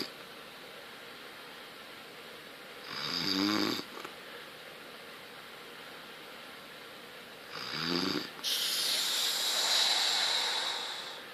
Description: Snorning while sleeping haha